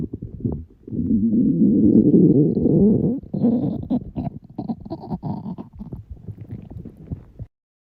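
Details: Girls' hungry stomachs making a loud, rough rumbling gurgle that breaks into rapid bubbling pulses and fades out; stomach growling from hunger (borborygmi).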